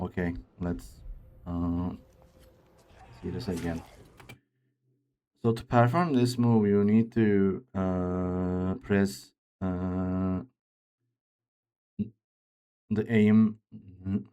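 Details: Man who reports his own speech disorder, type not named, and says it is much worse than a game character's; real speech; speech disorder.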